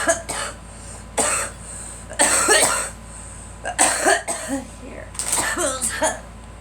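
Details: Child (girl) gives a run of about five harsh, separate coughs with throat-clearing sounds between them: cough.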